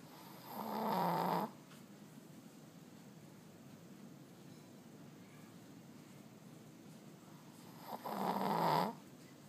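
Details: Loud snoring during sleep: two rough, buzzing snores about seven seconds apart over quiet room noise.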